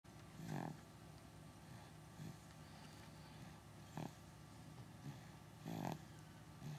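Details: Dog snoring from time to time during naps: short, low, rattling snorts at irregular intervals, about five in seven seconds, against quiet room noise; snoring.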